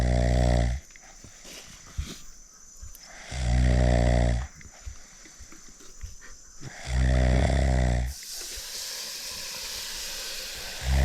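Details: A man asleep at night at an island fishing campsite after a tiring day: three loud, rumbling snores on the in-breath every three to four seconds, quiet exhalations, faint background noise; snoring.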